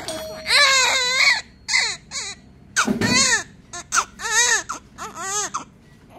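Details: Newborn crying immediately after birth: loud, high-pitched bursts with rising and falling pitch; vigorous first cry.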